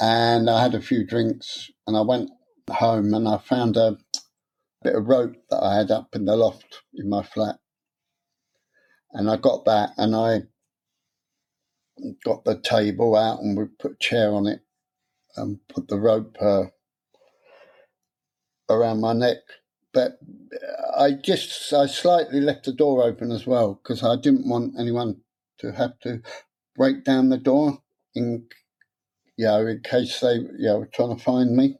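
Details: Stuttering (stammer) in an adult man, present since about age seven after childhood trauma (his parents' deaths); he later took a three-day therapy course and learned a breathing technique but says he still gets stuck on some words.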